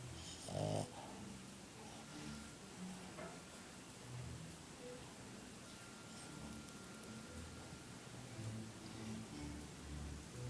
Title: Snoring Boston. Funny!!!!!!!!!!